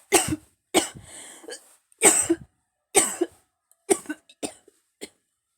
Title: VTR for Cough Commercial